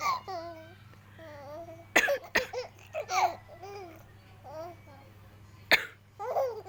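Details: A mother coughing while laughing: a few sharp cough bursts mixed with laughter over a low steady room hum.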